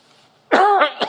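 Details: Adult male speaker at a forum giving a single harsh cough burst with a throat-clearing quality after a brief pause, mid-speech.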